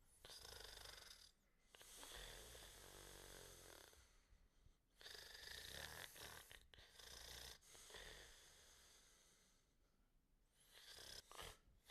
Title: chrápanie / snore